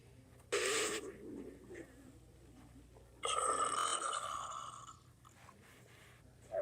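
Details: Stomach growling (borborygmi), with another person listening to the rumbling.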